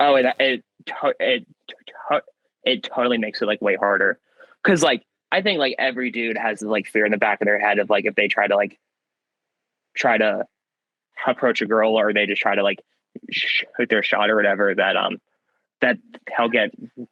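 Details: Young man with stuttering since childhood that varies in severity; he sometimes swaps words mid-sentence to avoid getting stuck.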